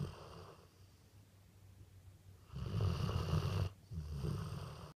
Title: Snoring dog